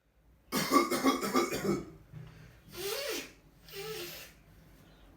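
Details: Simulated whooping cough acted by a child for a school science assignment: a rapid run of coughs followed by two voiced, rising coughs.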